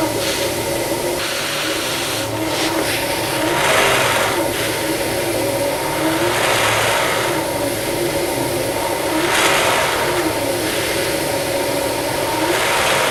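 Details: Steady, loud rushing airflow with rhythmic swells from a CPAP machine set to pressure 20, delivered through a Philips Respironics DreamWear gel nasal pillow mask.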